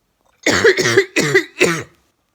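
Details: Chronic cough recurring every year for five years, lingering 6–9 months each time, milder this year since starting treatment ("Fosters"): four harsh, voiced cough bursts in quick succession in a quiet room.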